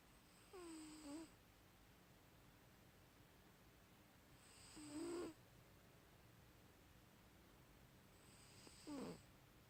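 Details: Snoring during sleep: soft snores at about 15 breaths a minute, each ending in a brief, falling, whistle-like tone, in a quiet room.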